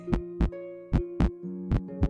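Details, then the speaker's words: Normal heart sounds played for comparison with a heart murmur: steady lub-dub heartbeat at about 75 beats a minute, with soft music behind. "वहीं एक normal heart की आवाज क्या होती है ये भी आप सुन सकते"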